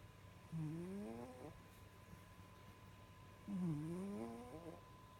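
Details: Two drawn-out, rising-and-falling nasal snores from a sleeping cat, about three seconds apart, over a steady faint hum.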